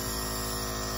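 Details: Home nebulizer compressor running during a breathing treatment given with a face mask, breathing in and out through the mouth; steady loud mechanical hum and buzz.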